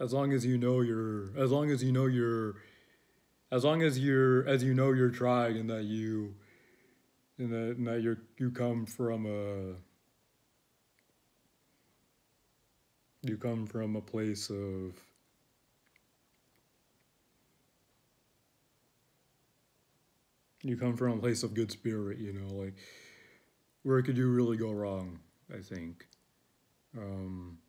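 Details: Adult male who describes his own speaking style as stuttering, disjointed, with an ongoing struggle to find the words he wants; stuttering.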